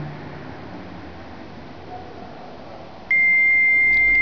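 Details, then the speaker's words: Steady room noise, then a continuous high-pitched tone from a portable Cardiopad ECG monitor: no heart activity detected because the electrodes were disconnected from the patient's chest. "now you can hear a long beep that means there is no her activity that have been detected this is because we have disconnected the the electrod from the shest of the [Music] patient"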